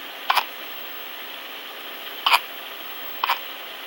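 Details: One of twin sisters with three short, sharp hiccups at uneven intervals over about four seconds against quiet room noise; hiccups.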